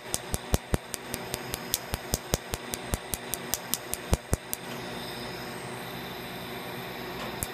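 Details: Quanta Q-switched laser with Optibeam, treating an old tribal tattoo on the operator's own inner arm at the second of three sessions: rapid sharp clicks, two to three a second, over steady machine hum.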